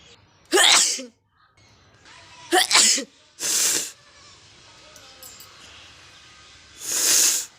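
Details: Acted sneezing challenge: four loud, sharp sneezes with hissy bursts of air over faint background music.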